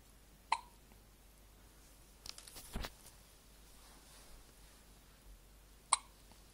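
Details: Thomas hiccups while mesmerised by a light: two sharp, brief hiccups about five seconds apart in a quiet room, with a soft rustle between them.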